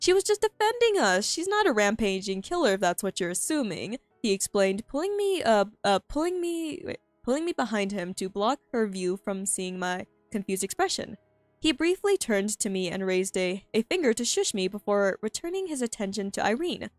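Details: Stuttering in a female streamer who says she stutters a lot and finds reading difficult, heard while reading her own story aloud; this stretch has repeated phrases and fillers.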